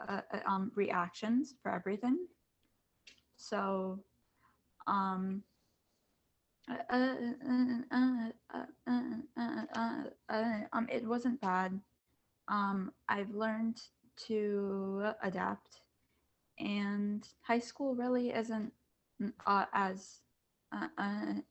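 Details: Student who stutters, on a panel of kids, teens and adults who stutter, back at school after online classes; says masks make them even harder to hear. Stuttering.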